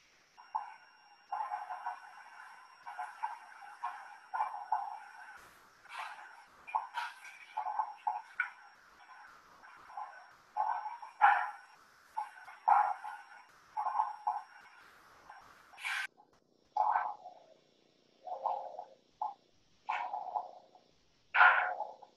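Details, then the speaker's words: Simulated lung sounds played over an external speaker for distance learning: repeated low bubbling crackles during breathing, coarse crackles. "i suppose you could hear the bubbling sound that comes from the crackle sound"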